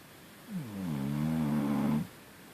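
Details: Kaia snoring: a single drawn-out, low groaning snore lasting about one and a half seconds, with a steady buzzing tone.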